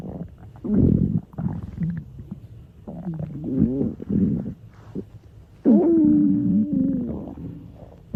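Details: College girl's stomach growling (borborygmi): low gurgling rumbles ending in a longer, squeaky, tonal growl, from gas and fluid moving through the gut.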